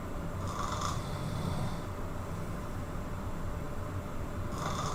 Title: Loud Snore 16